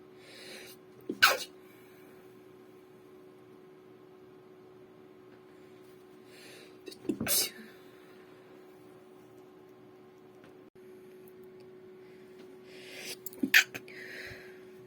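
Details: Three short, restrained, partly stifled sneezes a few seconds apart over a steady low room hum.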